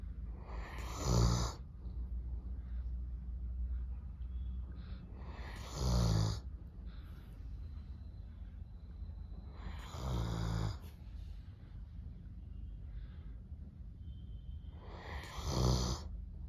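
Four deep, rumbling snores about every four to five seconds, roughly 14 a minute, with quiet breathing between; steady sleep snoring.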